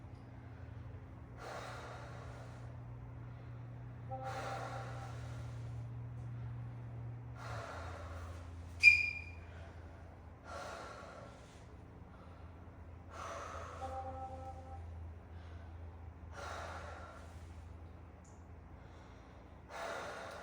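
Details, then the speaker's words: A 12-year-old's back auscultated by stethoscope during a nurse's respiratory assessment while breathing harder through the mouth. Normal breath sounds, clear in all lobes, with symmetric expansion and resonant percussion reported. "Upon oscultation of of all lobes, um they were clear."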